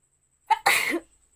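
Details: Sneeze from a woman in a sneezing challenge after putting chikni powder on her nose, which she says burns: a short indrawn catch, then one explosive burst, quiet room.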